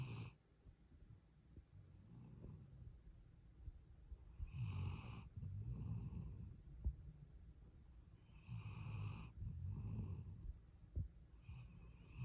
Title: Are you sleepy? Snoring puppy